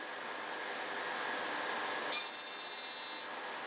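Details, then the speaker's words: Ablative fractional CO2 laser resurfacing (DeepFX handpiece, 300 Hz) of acne scars in a dark-skinned, skin type IV patient, starting on the right side of the face. A steady hiss from the dynamic cooling device, with a brief high buzzing burst as the laser fires. "So we will start now the device is ready. So we'll start on the right side of the uh the face of the patient and uh my nurse will help me using a dynamic cooling device."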